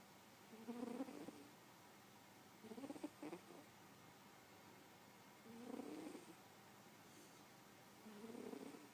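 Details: Light snoring: four soft, rough breathing noises about every two and a half seconds, roughly 24 breaths a minute, against quiet room hiss; someone then asks the sleeper whether they were snoring.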